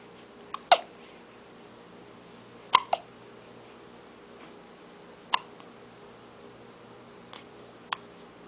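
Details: Hiccups: brief, sharp hiccup sounds recurring every few seconds against faint room noise, heard in the morning.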